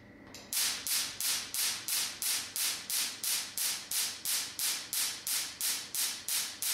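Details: Rapid, regular sharp snapping pulses, about three per second, from a Bossayer T8 tattoo-removal laser firing at its first setting onto paper about 5 cm away in a demonstration.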